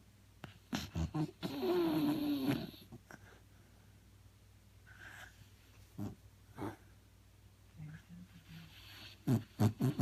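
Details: A sleeping Beagle snoring: irregular snorting breaths, one longer rough, fluttering inhaled snore, and brief low nasal grunts.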